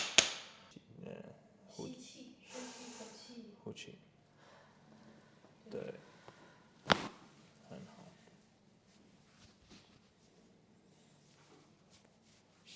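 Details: Joint cavitation during a full-body chiropractic adjustment of a woman with upper shoulder and upper-mid back tightness and tension and occasional headaches: a few sharp pops and cracks amid breathing and movement noise.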